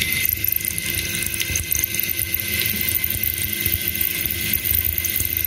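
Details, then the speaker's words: Zygomatic implant hands-on demo on a maxilla skull model, drilling with a Norris drill into dense zygomatic bone. A steady high whine and grinding of the surgical drill is heard with spray hiss; the handpiece becomes very heated. "it's producing a lot of heat. The handpiece has got really heated up."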